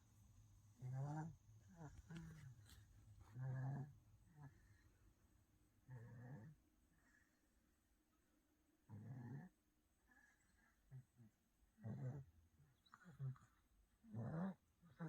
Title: 아기 코고는 소리 snoring baby